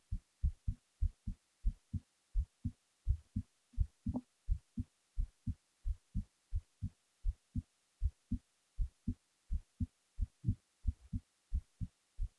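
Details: Steady low paired thumps at about 85 beats a minute, a regular resting heartbeat recorded while the person was falling asleep.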